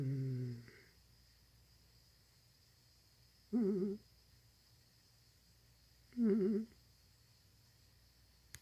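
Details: Sleeping cat snoring: brief buzzing snores about every three seconds, quiet room between.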